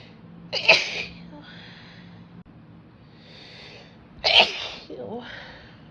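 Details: Adult female induced sneezes by tickling nose after holding itchy sneezes in all day, after rain and air conditioning: two sharp, forceful sneezes seconds apart, each followed by soft breath; merged clips.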